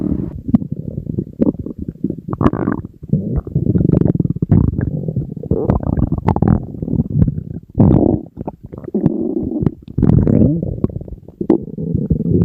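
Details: Empty stomach of a hungry person on a diet, in front of food: loud, continuous low gurgling and rumbling with brief pauses. Borborygmi, normal hunger growling.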